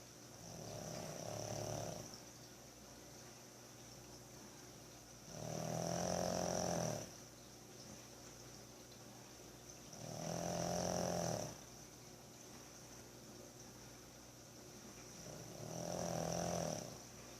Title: Pug Snoring